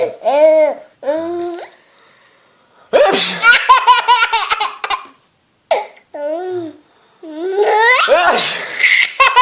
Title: laugh on Dad's sneeze